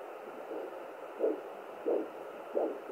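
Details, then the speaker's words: Pocket fetal Doppler (Sonoline B) on a pregnant woman's abdomen picking up her own pulse near the placenta: steady hiss with soft evenly spaced whooshing pulses, about 90 a minute; maternal pulse, not the baby's heartbeat. "That's my heartbeat again. There's the placenta."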